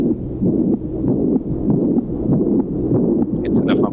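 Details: Teaching example of mitral insufficiency, a systolic murmur from an incompletely closed mitral valve during left ventricular ejection: heartbeat about 97 a minute, each beat with a blowing, rushing systolic murmur; mitral regurgitation murmur.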